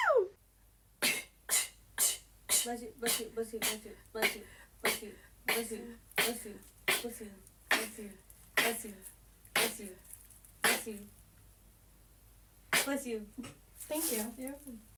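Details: Sneezing clip from a compilation of funny sneeze moments: a rapid run of about twenty short, voiced, explosive bursts with brief pauses between them, repeated sneezes.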